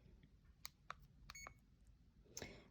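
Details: Several short, sharp electronic beeps in a quiet room from keypresses on a CADD infusion pump in PCA mode during programming for a morphine or midazolam cassette.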